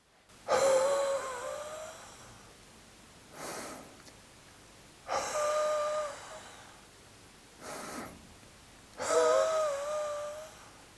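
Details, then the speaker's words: Autogenic drainage breathing demonstration to loosen chest secretions: three long, forceful breaths out as far as possible with faint whistling, separated by short quiet breaths in, resisting coughing. "during this procedure you may hear your lungs rattle a little bit which is a sign that you are loosening the secretions and that the technique is working"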